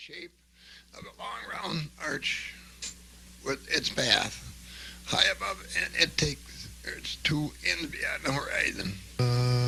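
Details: Fairly classic adductor laryngeal dystonia without vocal tremor, with intermittent voice stoppages and a strain-strangled voice quality.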